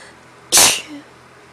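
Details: Sneeze after waking up: one sharp, hissing sneeze followed by a brief soft sound.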